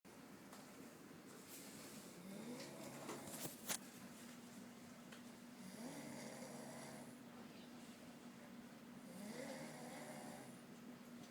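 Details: Snoring from a man who fell deeply asleep on his last night: slow, rough snores on each breath, about three over eleven seconds, with low room noise.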